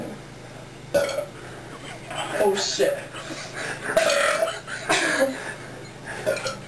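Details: Several low, croaky belches from a person after drinking cold Pepsi fast and chasing Mentos held in the mouth; the Mentos reaction failed and produced only burps, with talk and room noise around them.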